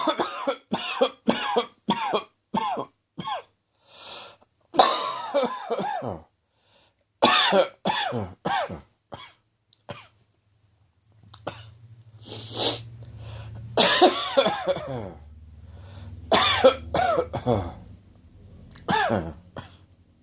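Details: Repeated short, harsh coughs in quick runs from an adult with an autumn common cold; sneezing began two days earlier, sore throat the next day, and the cough on the third day.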